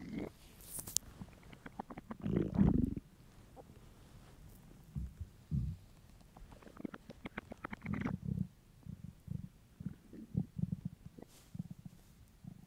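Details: Male's hungry stomach: bursts of low gurgling and bubbling rumbles with short pauses; borborygmi, ordinary hunger rumbling.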